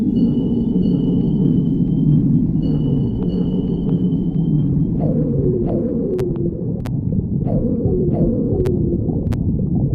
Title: stomach growling